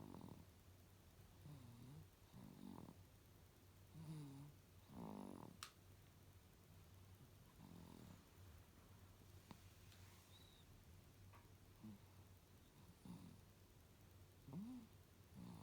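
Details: Sleeping 102-day-old Japanese baby boy snoring loudly: soft, repeated snorting snores with squeaky, nasal breathing every few seconds over a low room hum.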